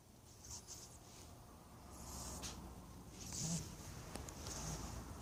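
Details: Faint hissing, whistly wheezing breath sounds, about 50 a minute, from a pet rabbit (female) that recently started wheezing; no runny nose or discharge, and she is active, friendly and eating normally.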